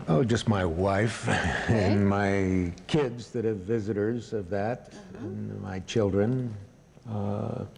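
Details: Wernicke's aphasia in an adult man with severely disrupted language.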